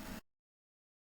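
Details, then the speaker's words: A podcast host's stomach growls loudly during recording, which she calls aggressive hunger pains rather than a fart: hunger stomach growling (borborygmi). "Ooh, you hear my tummy growling? Oh my god, I'm your sorry."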